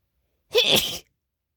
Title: late night uncovered and stifled sneezes